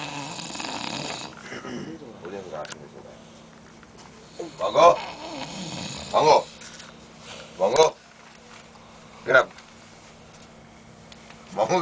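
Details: Adult man snoring: snoring.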